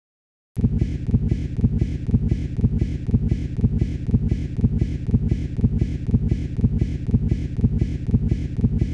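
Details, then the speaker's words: Fetal Doppler in a case of occult umbilical cord prolapse: when the uterus relaxes between contractions, cord compression is relieved, blood flow to the fetus returns, the deceleration resolves and the fetal heart rate returns to normal. "with the return of normal blood flow to the fetus the deceleration resolves and heart rate returns to normal here's what it sounds like on fetal doppler"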